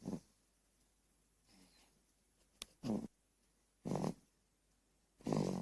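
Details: 4-month-old baby girl snoring: soft, rough, noisy breathing recurring about every second over background hiss; light infant snoring.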